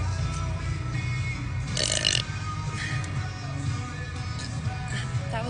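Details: A low, drawn-out belch from a girl drinking, over loud background music; she says the burp was not relieving. Burping.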